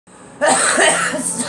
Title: Girl coughing